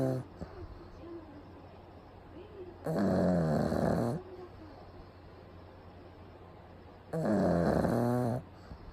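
Loud, rattling snores from a sleeping small dog, about two in nine seconds, with quiet breathing between.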